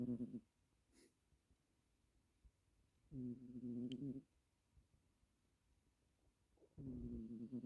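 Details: Black cat snoring while asleep.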